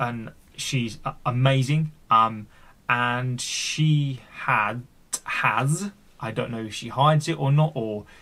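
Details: Adult male who stammers and has had speech therapy, with word and part-word repetitions left unedited; stuttering.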